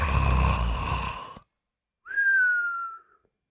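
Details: Harsh rattling snore then a high whistling out-breath, labelled a joke recording, not serious, so possibly not genuine; snoring with a whistle.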